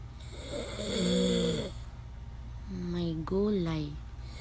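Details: Man snoring recorded from side view: loud, harsh, vibrating snores on breathing in, repeating with each breath; heavy snoring.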